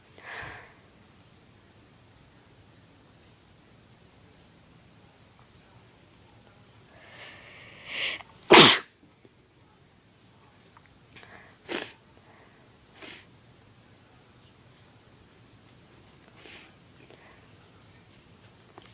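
Several scattered sharp bursts in a quiet room, one loud sneeze standing out among smaller sneezes and sniffs; induced sneezing.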